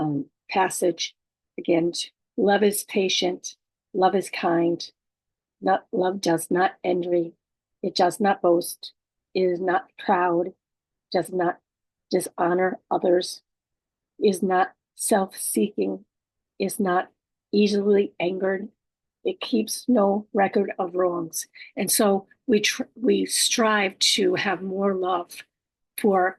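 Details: Woman stroke survivor living with aphasia, apraxia of speech and dysarthria, reading a passage aloud; aphasia.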